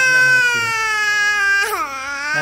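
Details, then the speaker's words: Child with cerebral palsy, small underdeveloped elongated skull (microcephaly described), mostly quiet and often stiff; sustained steady high-pitched cry with a pitch break, noted as a good sign when such a child cries. "kalau anak Sip itu nangis itu bagus"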